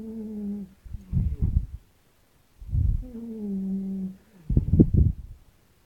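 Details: Sleeping cats in a snoring contest: two breath cycles, each a low droning hum then rough fluttering bursts; cat snoring.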